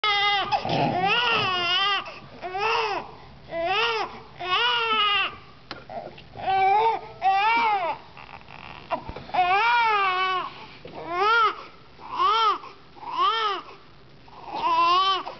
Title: Handling a Crying Baby